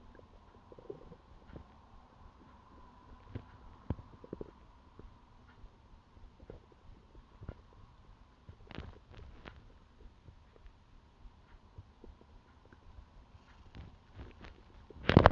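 Low, intermittent gurgles and growls in a quiet room; normal stomach rumbling from gas and fluid moving through the gut.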